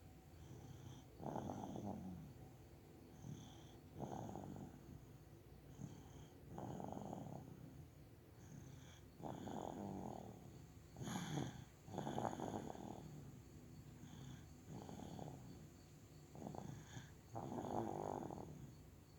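Regular rattling snores, about seven breaths in twenty seconds, with a steady faint whistle in the background; ordinary sleep snoring.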